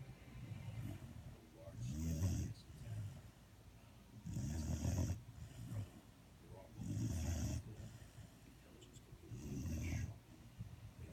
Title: Snoring dog